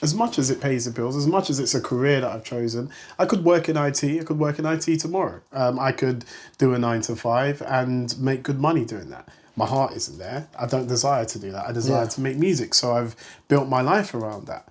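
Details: Adult man speaking; typical speech.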